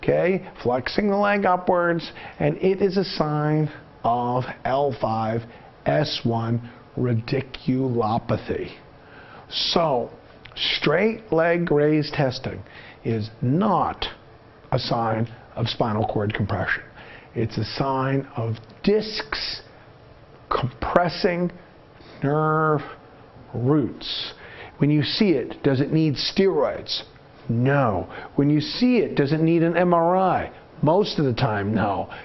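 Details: Adult male narrator; normal speech.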